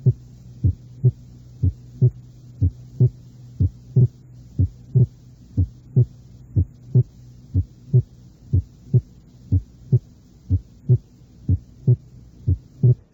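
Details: Simulated regular heart sounds near 60 a minute, the second sound split in expiration and single in inspiration: paradoxical splitting of S2 in left bundle branch block.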